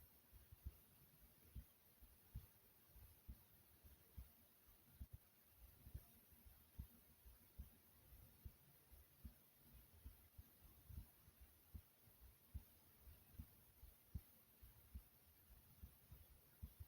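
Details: Slow recording of own heartbeat: steady, soft low thumps at about 75 beats a minute, a normal resting rhythm; normal heart sounds.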